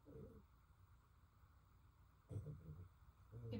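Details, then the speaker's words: Quiet, low rumbling bursts from a dog snoring while resting on the ground. "you can you hear my dog snoring she's sitting on the ground snoring"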